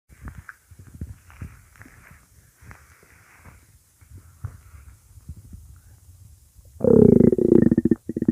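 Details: Loud, thunder-like stomach growl: quiet gurgles build into a deep rumbling growl near the end; normal stomach growling (borborygmi).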